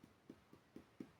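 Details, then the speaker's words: Abdominal percussion demonstration: the note is hollow but less tympanic, contrasted with the very tympanic (hypertympanic) note between the epigastrium and left upper quadrant. "si bien se escucha hueco se escucha pánico no es tantim pánico esto es muy timpánico"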